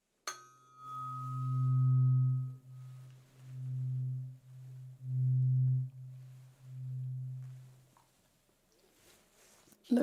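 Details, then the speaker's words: Four low, steady, pure humming tones from a struck tuning fork, each fading, in a role-played hearing test; listener lowers hand when hum stops. "the first one will be with a tuning fork which um gives us a really nice like humming sound very gentle sound"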